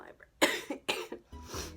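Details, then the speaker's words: Three harsh, explosive coughs in quick succession, then a brief throat sound, from an adult who has been sick for a long time; cough from ongoing illness. "Okay, I'm going to end this vlog before I start coughing more."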